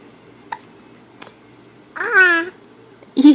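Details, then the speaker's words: Infant girl with hiccups, unable to talk: two soft, sharp hiccup clicks in a quiet room, then a brief whiny cry-like vocal sound. "what else got hiccups her can't talk yeah hiccups yeah"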